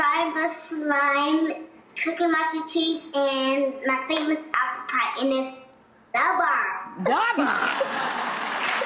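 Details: Speech sound disorder with articulation errors in a 6-year-old girl whose speech impediment was diagnosed at an early age; her mother reports her speech has since improved tremendously with home practice.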